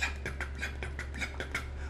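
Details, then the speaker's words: Vocal imitation of an S3 gallop rhythm in a cardiology lecture: a rapid heartbeat with a third sound in early rapid ventricular filling, close to S2. It is associated with heart failure and signifies left ventricular failure. "since heart failure is more often this is associated with the rapid heartbeat it begins to sound like it's like a galloping rhythm that's why it's called the galloping rhythm"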